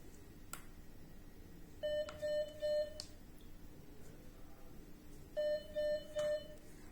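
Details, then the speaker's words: MedRena UniFusion VP50 Pro infusion pump switched on by holding the power button for two seconds: two short bursts of three clear electronic start-up beeps over quiet room noise. "First Step switch on the pump press the power button for two seconds to turn on the"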